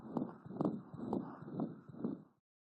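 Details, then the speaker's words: Newborn heart auscultation: rapid heartbeat near 130 a minute with a continuous machine-like whooshing murmur through each beat, from a closing patent ductus arteriosus, benign in a full-term infant. "Many newborns have a continuous machine-like murmur caused by the closing of the patent ductus arteriosus."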